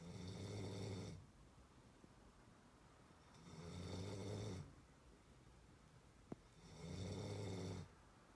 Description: A short, one-minute sound clip of snoring going from soft to rough!